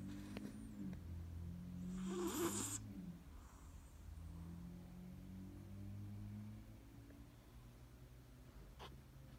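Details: Snoring from a sleeping male cat.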